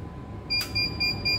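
Short, high, repeated electronic beeps from a ventilator during setup, over low room noise; a device alert tone.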